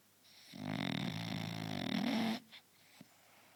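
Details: Sleeping French Bulldog: one long, loud, buzzing snore from the flat-faced dog, followed by a short snort.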